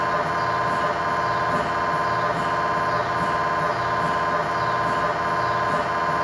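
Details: Loud, steady mechanical buzzing with rapid regular pulsing about 86 a minute; MRI scanner acoustic noise inside the scan room during a tibia/fibula (lower leg) test scan with a GE high-definition lower extremity coil, controlled environment.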